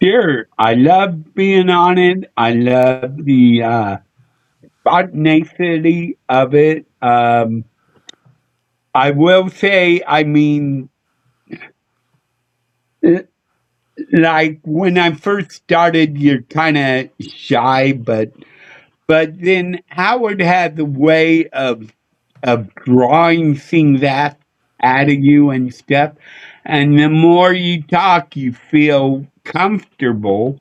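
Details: Adult male with a speech impediment he attributes to a neurological problem: MRI showed an underdeveloped back of the brain, and he hit his head on a dashboard in a car accident when younger; sometimes mistaken for drunk; slurred speech (speech impediment).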